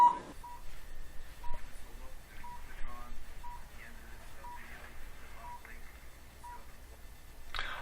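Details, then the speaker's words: Low-level (cold) laser running a plantar fasciitis heel-pain program for about 4.5–5 minutes: short, even electronic beeps about once a second confirm it is on, with faint room noise and a low hum underneath. "beautiful thing about this technique is you can hear the machine beeping we know it's on"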